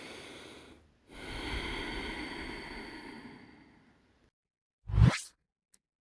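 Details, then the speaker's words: Normal vesicular breath sounds heard through a stethoscope in pediatric lung auscultation teaching: soft, smooth airflow with no crackles or wheeze. "So this is the normal breathing."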